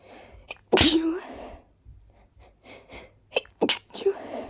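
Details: Person with pollen allergy who also has hiccups: one loud explosive sneeze followed by quiet breathing and a few small sounds; sneeze.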